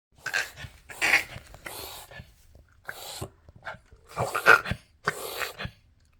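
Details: Dog coughing at night: a run of harsh, dry, hacking coughs in close succession, about six in six seconds.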